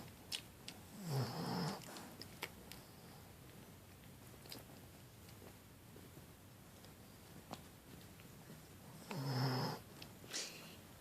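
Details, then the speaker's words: Two low, rumbling snores about eight seconds apart, with soft clicks and quiet between, from a sleeping female dog, possibly dreaming: ordinary loud snoring. "Sam Sam Sam Samantha hi you're snoring loud hi you my bab snoring loud"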